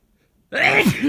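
After silence, a sudden loud, forceful sneeze with a hissing burst and a voiced tail; a strong single sneeze.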